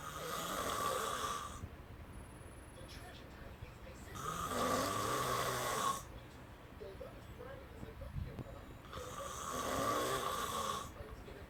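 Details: A person snoring all night, keeping someone awake: slow, regular snores with a rough buzzing tone, about one every four to five seconds, in a quiet room.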